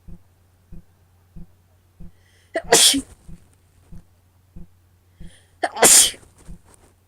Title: Cold and flower induced sneezes, hitching and wet nose blowing